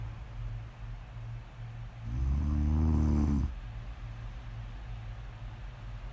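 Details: One deep, rattling snore on an in-breath lasting about a second and a half, then quiet breathing over a low room hum, in a sleeping snore ASMR recording; snoring.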